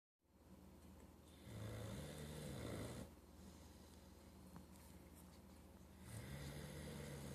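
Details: A worn-out Boxer dog asleep, with low, rumbling, drawn-out breaths and a fluttering rasp, rising and falling: snoring.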